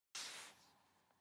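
A single sharp, hissy burst of air that fades quickly, typical of one cat sneeze.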